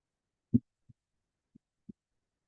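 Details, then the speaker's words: Normal healthy adult heart sounds in a lecture demonstration contrasted with aortic stenosis: two clean lub-dub beats at about 60 a minute, no murmur; first sound from AV valve closure, second louder sound from semilunar valve closure. "That's what a healthy, normal heart sounds like. So we're thinking the first sound is the AV valve, right? So blood hitting against those closed AV valves."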